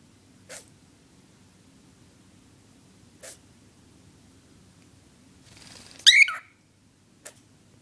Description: My Cockatiel, Pinkie started sneezing out of nowhere and making this strange noise...